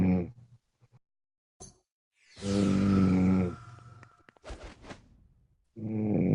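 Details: Sleeping adult snoring, recorded at 4 a.m.: a loud, low, rough voiced snore with a groaning quality between quiet pauses and breathy noises.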